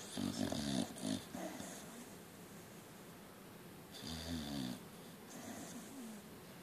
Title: flat out snoring